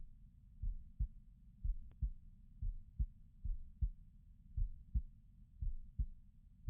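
Steady, soft, low lub-dub thumps at about 58 beats a minute, a regular heartbeat.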